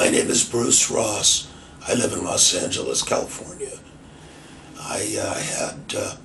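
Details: Adult man with laryngitis after chronic bronchitis about two and a half years earlier, left vocal cord paralyzed per diagnosis; voice almost non-existent with low volume, recorded before his 11th treatment session; breathy dysphonia from unilateral vocal fold paralysis.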